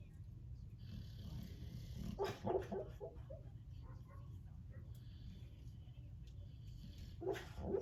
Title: Snoring Boxer